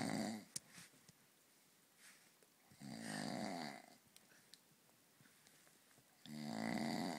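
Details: Loud snoring from an adult man, possibly a father, after a few too many beers: rasping, fluttering snores about every three seconds, with quiet gaps and small clicks between them.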